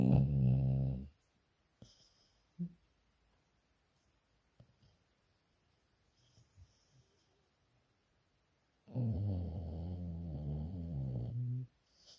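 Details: Deep, rumbling snores separated by long quiet gaps, with small faint noises between them; snoring.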